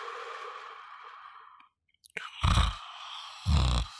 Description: This sound is natural snore sound